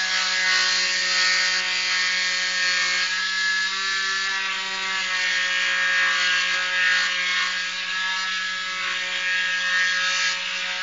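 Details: Steady high whining buzz of an oscillating cast saw cutting through a cast during cast removal.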